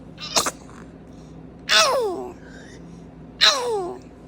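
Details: Baby's sneezes: three short bursts, each a sharp indrawn catch followed by a falling squeaky release.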